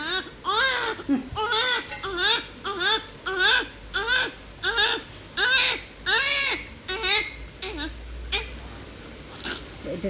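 Repeated rhythmic newborn crying, short high-pitched wails about once a second, tapering off at the end; room noise in the background.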